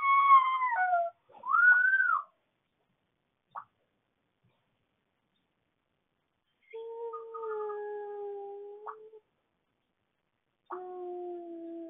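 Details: Drawn-out, high, wavering coyote-like howling cries with pauses from a two-year-old girl (a twin) asleep at 2:52 AM in a quiet room; sleep vocalization.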